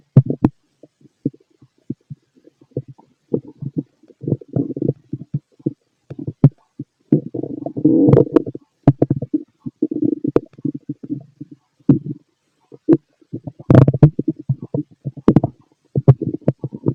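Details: Fit male's stomach growling heard through a stethoscope: irregular low gurgles and rumbling bursts of varying length, some loud, with quiet gaps; active bowel sounds.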